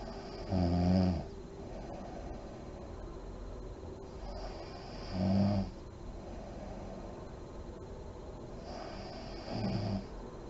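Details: Adult woman snoring in deep REM sleep with deep breathing and lip blowing: slow, regular low rumbling snores about four seconds apart, roughly 13 breaths a minute, over steady room hiss.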